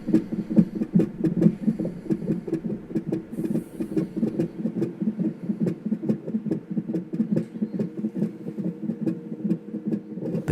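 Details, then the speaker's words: Fetal heartbeat heard all night through a Doppler monitor during premature labour at 23 weeks 6 days: rapid, regular whooshing pulses at about 140 beats per minute. "we could hear the baby's heartbeat through the monitor baby was letting us know all night i'm right here i'm right"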